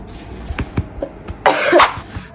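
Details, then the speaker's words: Mother wearing a face mask, coughing near her baby: one short, harsh cough burst against room noise. "Jam set kurang sengaja gue pakai masker lagi batuk, Gengs."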